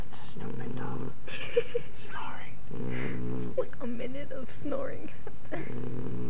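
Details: Puppy snoring very loudly like a human while asleep: loud rumbling snores, about three within a few seconds, with quiet talking between; snoring.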